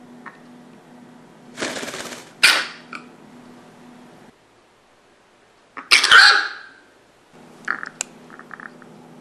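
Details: Pet chicken with a cold, fever and blocked nose, sneezing often, treated with a week of antibiotics for pneumonia risk and recovered: two short sharp sneezes with soft clucks over low hum; sneezing.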